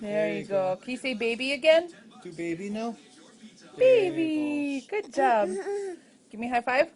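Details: Adult speaking to a young child; typical adult speech.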